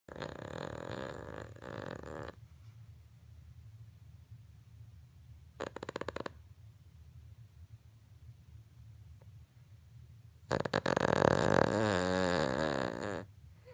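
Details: 3-year-old Cavalier King Charles Spaniel sleeping, snoring so loudly that listeners mistake it for a train or a vacuum. Loud, rough, snorting breaths in long bursts with a brief fluttering rattle between them: snoring.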